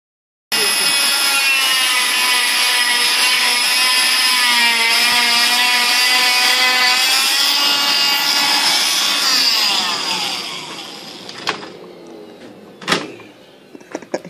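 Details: Steady high-pitched whirring of an oscillating cast saw cutting through a cast for about ten seconds, then handling clicks; routine cast removal.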